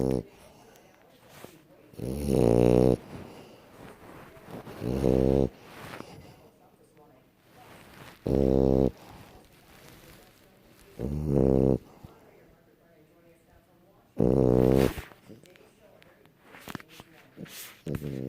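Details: Sleeping dog Bowser snoring: loud, low, buzzing snores in regular bursts about every three seconds, with quiet sniffing between; ordinary snoring.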